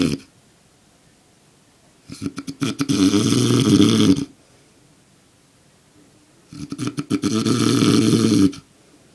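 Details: Adult man, father, sleeping very soundly: two long, loud, rattling snores on inspiration with quiet pauses between, about 13 breaths a minute; snoring.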